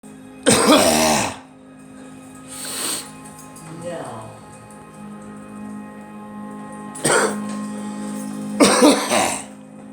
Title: Girl coughing